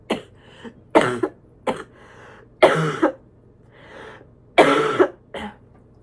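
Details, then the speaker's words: Several harsh, slightly wet coughs in short bursts with throat clearing, from an adult with influenza, symptoms now mainly in the sinuses after days in ears and chest; she says she thinks she's getting better. "I say, "Oh my gosh, I think I'm getting better." As they cough like that. So disgusting."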